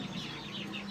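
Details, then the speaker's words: Pet rooster with ngorok, a snoring respiratory illness the owner links to cold weather, gives under a second of noisy rattling breath; respiratory rattle. "Ini teman-teman, ayam jago saya ini terkena ngorok nih ya. Ini kalau ayam kenang orok kayak gini nih."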